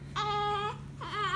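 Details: Newborn crying: two short, steady-pitched cries with a slight whimpering edge over a low room hum.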